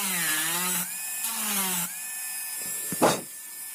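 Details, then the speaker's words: High-speed dental handpiece whining in short cutting bursts, ending in a brief hiss, while cutting depth orientation grooves on the lingual surface. Typodont mandibular first molar (#36), full veneer crown preparation. "So for the lingual, again, you have to make depth orientation grooves, same like the buccal surface."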